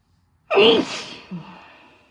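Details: A single loud, explosive, voiced sneeze with a fading tail and a small afterbreath, in a small room, part of a series of sneezes from one person; sneezing.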